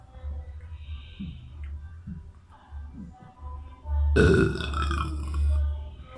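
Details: Boy belching: a loud, drawn-out burp after quieter sounds, with music playing in the background.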